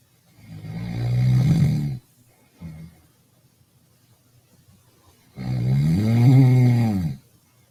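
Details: Snoring said to be two men on a prison livestream: two long, loud, rumbling snores with a short snort between, in a quiet room; heavy snoring.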